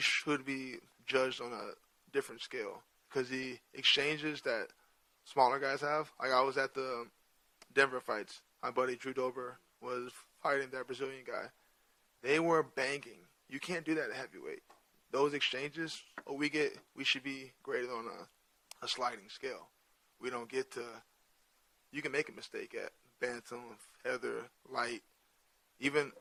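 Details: Adult male with stuttering present since childhood, which he says is hereditary (his father also has a speech impediment) and not caused by CTE.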